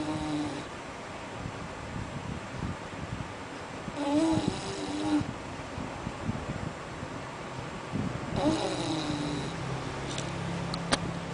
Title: snoring dog